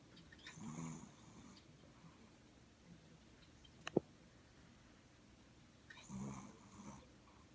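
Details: Two soft, rasping snores several seconds apart with a brief sharp click between, from a sound-asleep long-haired Chihuahua dog in a quiet room; snoring.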